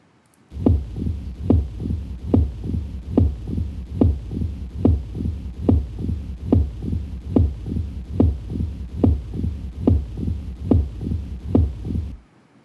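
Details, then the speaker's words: Valvular lesion heart sounds in a rheumatic heart disease context: loud S1 followed by S2 and then an additional third sound, an opening snap. "One sound loud S1 and to sounds are coming afterwards. जो उनमें से पहली sound है that is S2, और उनमें से जो अगली साउंड है, the third sound in the sequence, तुम तारफ तुम तारा तुम तारा तुम, S1 ता S2 रा, दैट इज़ एन ओपनिंग"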